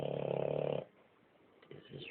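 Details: Family dog snoring at 2am across the room: a loud buzzing, fluttering snore lasting under a second, then a quieter breath.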